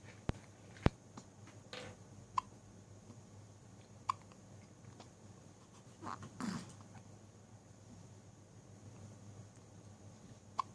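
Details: Hiccups recorded 2014-10-15: several soft, sharp clicks at irregular intervals in a quiet room.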